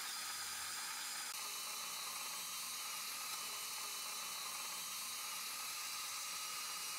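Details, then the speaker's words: Apicoectomy on a maxillary bicuspid in a female patient with pain in the tooth: steady high-pitched hiss and whine of a dental handpiece with a barrel or flame-shaped diamond bur cutting off about 3 mm of the root tip at an angle. "so I'm going to cut off probably three millimeters of the root just to be sure so you can see it right here I'm going to and you want to cut through the root I'm going to normally use either a barrel diamond or a flame shaped"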